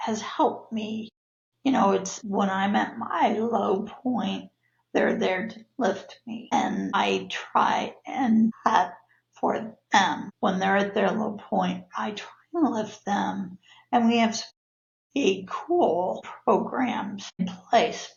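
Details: Adult woman with spasmodic dysphonia (laryngeal dystonia), a neurological disorder of no known cause, with abductor and adductor features; voice worsens with stress; spasmodic dysphonia.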